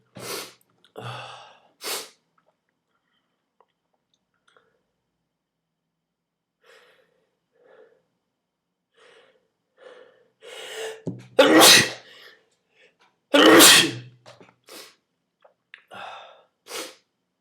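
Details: Sneezes induced with a twist tie: several sharp explosive sneezes, some preceded by quick catching inhalations, with quiet sniffing and breathing between bursts.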